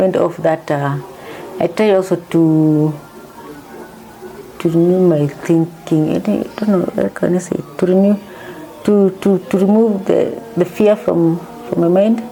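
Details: Woman diagnosed with Parkinson's disease in 2022 after symptoms began around 2019, initially misdiagnosed as a pinched nerve; she reports her medication makes her tongue heavy and her speech changed from before. Hypokinetic dysarthria (Parkinson's disease).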